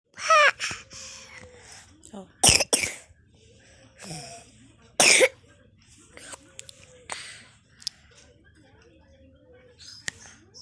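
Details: Several sharp, loud coughs from a child, some in quick pairs, with soft voice sounds between; child coughing while unwell.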